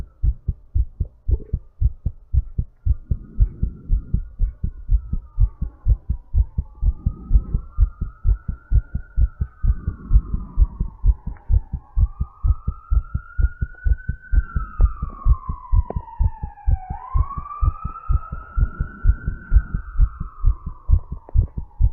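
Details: Rapid, steady low heartbeats at about 128 a minute during recovery after exercise, with breathing; energy drink taken before recording.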